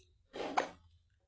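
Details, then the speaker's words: Newborn girl who has just finished breastfeeding gives a single brief breathy catch with a sharp click; a normal newborn hiccup, likely from swallowed air during feeding and an immature diaphragm. "The newborn baby's diaphragm is immature. It's developing. That's one of the causes of hiccup."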